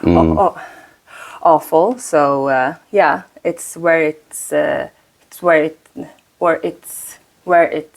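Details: Woman, 36, who stutters; she says her stutter shows more under stress and she uses a speaking technique; repetitions audible; stuttering.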